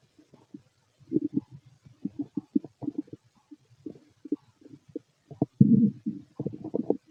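Frequent gurgling and bubbling bursts from an empty stomach, ordinary active bowel sounds.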